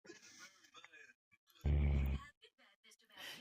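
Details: A single loud, low, rattling snore from a sleeping adult boyfriend, about two hours asleep, with faint rustling and quiet background sounds: snoring.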